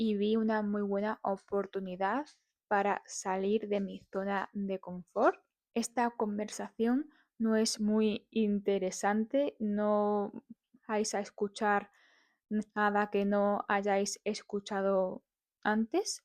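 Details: Adult woman who stutters, speaking Spanish; uses breathing practice and tapping to manage it; stuttering.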